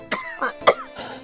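Three quick, partly voiced cough bursts from an adult, acted for a comic skit rather than a real illness.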